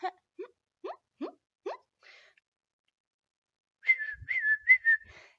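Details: Woman with tics: hum, squeak and whistle vocal tics; vocal tics (squeaks and whistles).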